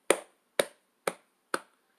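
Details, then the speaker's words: Percussion of the chest demonstrated in a respiratory assessment lecture: a rounded, low-pitched tapping note, the normal resonant lung sound of air-filled lung, contrasted with hyperresonance and dullness. "이런 이제 정상폐 소리가 이렇게 나잖아요. 안쪽에 이제 공기 있는 소리, 이런 소리들이 이렇게 나게 되는데,"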